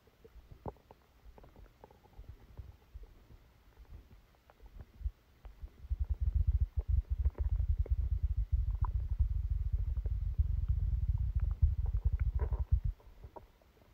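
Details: Stomachache after Christmas dinner, recorded while sleeping: low gurgling and rumbling from the belly, with scattered clicks and a long loud churning stretch; active bowel sounds.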